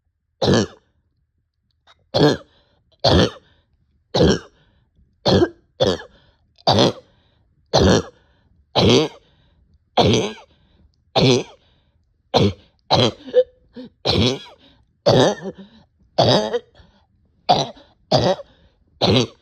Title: Short of breath with barking cough